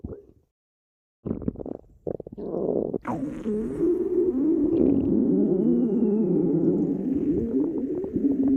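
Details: Badger's stomach growling (borborygmi): brief gurgles and squelches, then a long, continuous, fluctuating low gurgling rumble from the abdomen.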